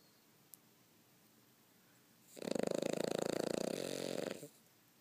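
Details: One long, loud, fluttering snore of about two seconds with rapid airway vibration: snoring.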